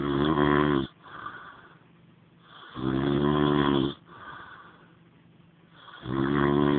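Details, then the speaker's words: Loud, rattling snores from a sleeping man on each in-breath, about 20 breaths a minute, with quieter out-breaths between: snoring. "Hey, you're snoring. Yep. Oh no."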